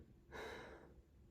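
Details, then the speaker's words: Huff cough for airway clearance during a postural drainage and breathing rehab session, performed after chest expansion breaths with the head turned: a single forceful open-mouthed breathy exhalation. "on this last breath out once you turn your head and huff for me one to two times good do it again see how that's coming up a little bit"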